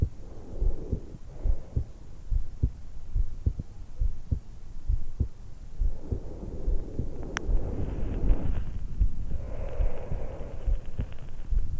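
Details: 20-year-old woman lying supine in bed right after waking, stethoscope microphone at the suprasternal notch: regular heartbeat about 70 a minute with slow breaths; normal heart and breath sounds.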